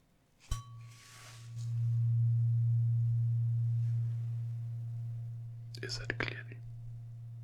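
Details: Acted ASMR check-up, tuning fork hearing test: a sharp tap, then a steady low hum that slowly fades.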